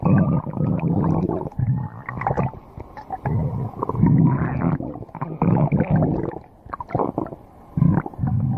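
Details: Low, rolling gurgles and growls in bursts with brief pauses: stomach growling (borborygmi).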